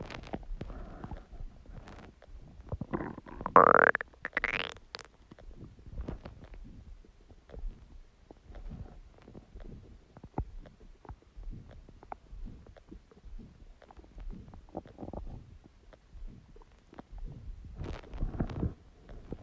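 Irregular low gurgles and rumbles with one louder squeaky growl; ordinary stomach growling from gas and fluid moving through the bowel.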